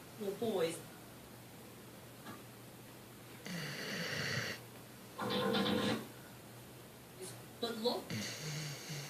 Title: Chance snoring!!! :)